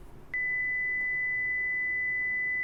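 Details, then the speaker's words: A steady, high-pitched pure tone begins abruptly and holds unchanged. It is a simulated 2 kHz tonal tinnitus sound, a created sample assuming a person with 2,000 Hz tinnitus. "지금 들으셨던 소리는 2K 홀트의 이명을 갖고 계신 분의 가정을 해서 수능으로 이제 구현을 한 소리고"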